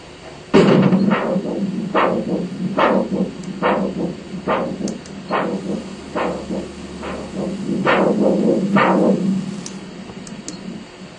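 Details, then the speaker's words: Rhythmic whooshing pulses about 70 a minute over steady hiss from a Doppler probe over an arm artery, palm up, measuring systolic pressure during an ankle-brachial index study; normal arterial Doppler signal. "okay and the sound that you hear is nothing more than the computer's version of the blood moving through that artery"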